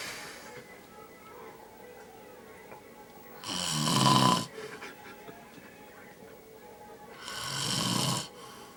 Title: Big man snores.